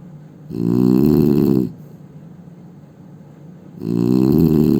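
Loud, rough, vibrating snores on each breath, separated by quiet pauses; heavy snoring.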